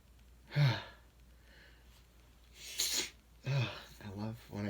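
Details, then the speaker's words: Male sneezing (no allergies), feeling sensitive after weather dropped from about 50 to 15 degrees: several quick sneezes in a short volley with brief talking in a quiet room; a bout of sneezing. "that's one good thing about the weather changing you know going from like 50 degrees to like 15 in a short time it makes me a little extra sensitive"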